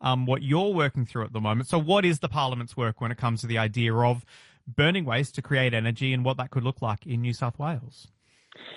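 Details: Adult speaker, radio interview; Normal speech.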